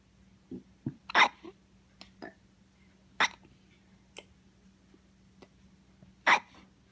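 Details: Hiccups keeping someone from sleeping: sharp, abrupt catches of breath recurring every second or two against quiet room hum; hiccups.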